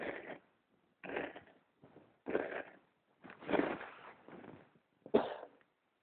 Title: Smudge coughing!